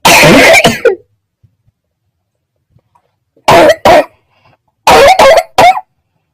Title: Coughing 2